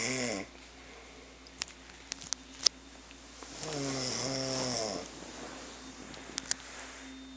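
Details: Dev snoring in sleep: two drawn-out, nasal, whistling snores with a few faint clicks between them.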